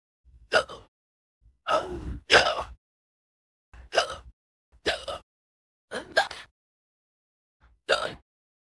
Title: #53 Pan Gets Hiccups While Playing With You (AI)